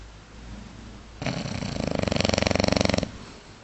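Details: Bulldog snoring: a single loud, fluttering snore on the in-breath, with the rapid rattling vibration of a short-nosed dog's snoring.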